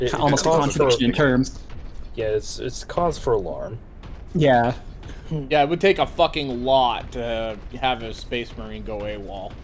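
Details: Adult male speaker, casual commentary; normal conversational speech.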